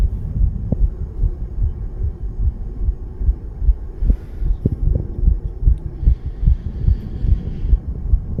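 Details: Rapid, regular low thumps at roughly 150 per minute under a steady hum: fast heartbeat of a 34-year-old man recorded under the influence of nicotine and cannabis.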